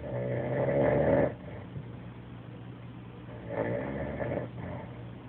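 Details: Adult man passed out asleep on a couch, snoring loudly like a freight train: rumbling snores on breathing in, quieter breathing out; ordinary snoring.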